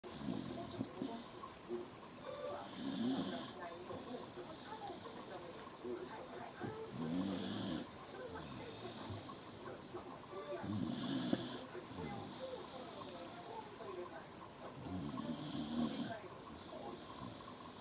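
Rough, rattling snores recur with each breath, about 15 a minute, over faint room noise.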